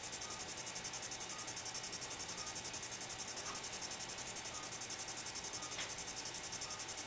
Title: Dense cataract Phacoemulsification